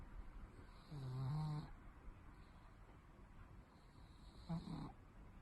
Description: Our cat snores. Unfortunately, even if we also want to sleep.